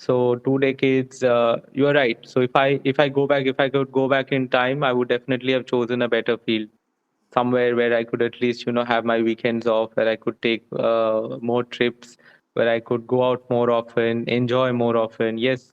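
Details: Adult man speaking; Normal fluent speech.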